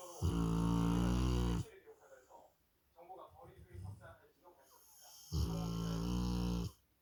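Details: Loud, deep, droning snores with quieter snuffling breaths between them, from a sleeping large dog, one of a pair (a Rottweiler and a Labrador Retriever) snoring together; snoring.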